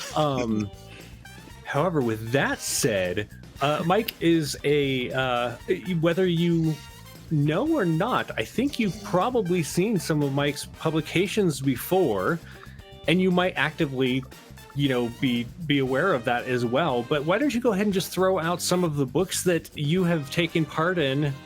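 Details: Adult male speaker (host); normal adult speech.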